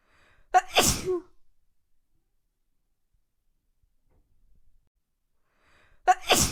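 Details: Sharp sneeze with a quick intake and loud burst, a second sneeze starting at the end; from a compilation of sneezes.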